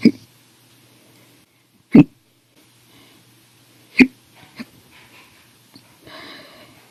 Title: 8/1/19 to 8/31/19, Violent, Bad Loud, Silent, Minute, Second Hiccups Audio Only Part 3